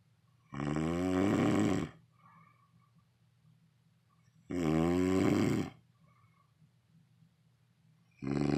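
Long, rattling snores on the in-breath, about 16 a minute, with quiet pauses between them and a low steady hum in the room.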